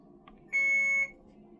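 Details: Alaris IV pump during patient-controlled analgesia (PCA) syringe removal and channel shutdown after the line was removed from the patient: a single steady high-pitched electronic beep of about half a second over quiet room noise; infusion pump alert tone.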